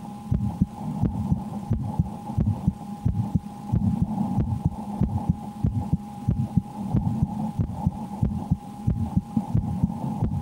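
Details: Steady, low heartbeat thumps at roughly 90 beats per minute heard through a stethoscope over a constant hum, recorded while the person plays the Slender horror game and reports extreme fear; heartbeat.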